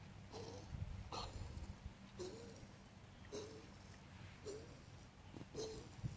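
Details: Two Socks coughing: about six short, harsh bursts roughly a second apart, each with a brief honking tone, over a low room hum; repeated coughing.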